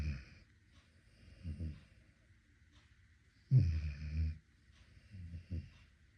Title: Snoring dog #amstaff #amstaffpuppy #amstaffinitaly #amstafflife #cutedog #shorts #snoring